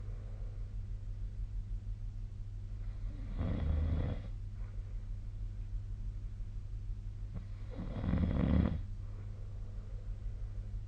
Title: 🐽 本日のイビキ / Snoring Sleep Sound 2025/02/09